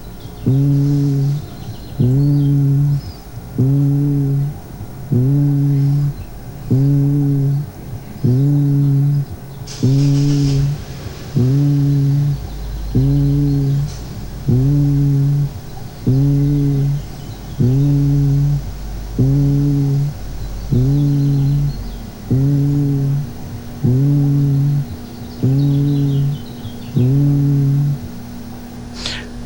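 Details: Normal vocal resonance on auscultation of the chest.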